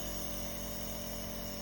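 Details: Child receiving nebulization with levolin for cold and cough: steady, even nebulizer compressor motor hum with a faint buzzing whine.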